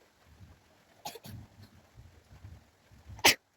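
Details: Sneezing deliberately induced with a stick in a sneezing challenge: soft breathy bursts, then one sharp loud sneeze at the end, in a quiet room.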